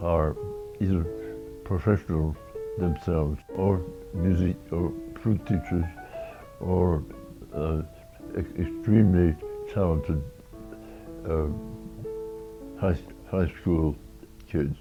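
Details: Adult man with Meige syndrome, an oromandibular dystonia affecting the face, mouth and eyelids, beginning in the jaw in 1982; he is hard to understand unless he is very careful: oromandibular dystonia affecting speech.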